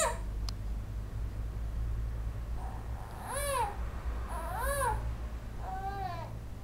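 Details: Three short, rising-and-falling wailing cries from an angry infant over a steady low room hum; an infant crying spell.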